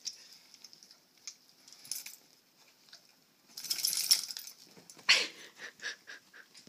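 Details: Snoring from a Pomeranian dog.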